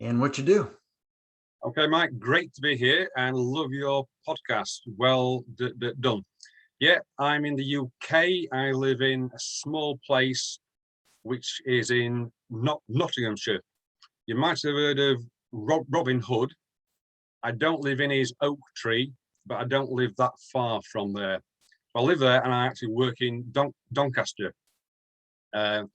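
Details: Stuttering (stammering) in an adult UK male; more severe in the past and still present at times, with blocks, repetitions and eyes closing or looking down; word repetitions in this clip.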